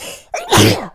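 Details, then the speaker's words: Female, no allergies, sneezing induced by sniffing a substance: a quick indrawn breath, then one loud forceful voiced sneeze that trails off. "I'm going to sneeze again I think yep so yeah actually wow stuff is working pretty well"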